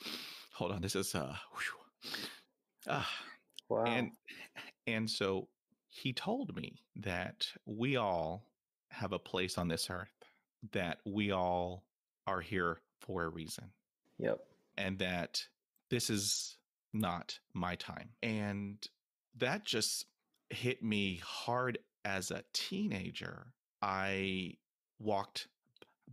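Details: 28-year-old man who has stuttered his whole life, since about age three, real speech; stuttering.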